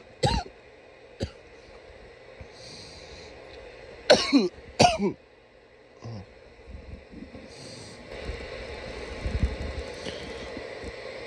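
Several loud, irregular coughs in single bursts and pairs, with room noise between them; a plain cough.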